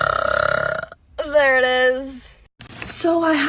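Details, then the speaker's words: Young woman deliberately burping, swallowing air to release more: a sustained, tonal belch of about a second, followed by another brief burp; burping. "There's still some in there, so you have to put air in to get it just to all release."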